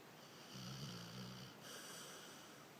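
A single low, rumbling snore from a sleeping dog over steady background hiss.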